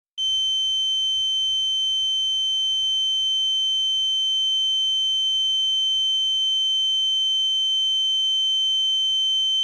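Steady high-pitched ringing tone throughout, a simulation of tinnitus (ringing in the ears).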